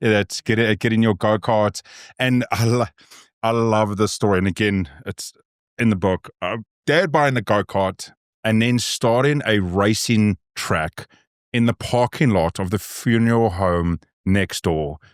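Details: Adult male speaker; typical speech.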